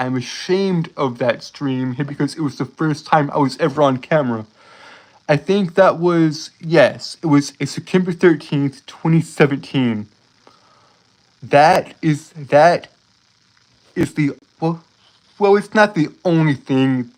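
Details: Male streamer who says he has a speech impediment causing him to stutter over his words; stuttering.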